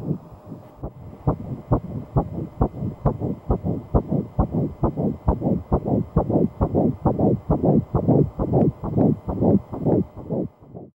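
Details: Fetal heartbeat on Doppler shared by expecting parents: rapid, regular whooshing at about 136 beats a minute, within the normal fetal range.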